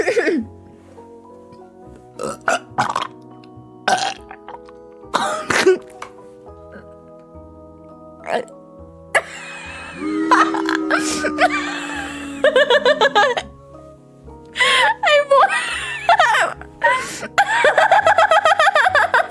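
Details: Female streamer deliberately burping in a contest: several loud, long voiced belches over background music, some rising and falling in pitch.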